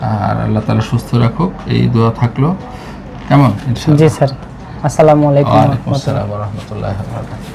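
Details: Adult male reciting one week after surgery for an inflammatory vocal cord polyp, following long-standing broken, hoarse voice; voice after vocal cord polyp surgery, reported much improved and clear.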